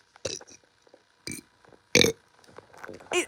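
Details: A schoolchild's own burps: several short, rough burps separated by brief pauses, with faint room noise; ordinary belching.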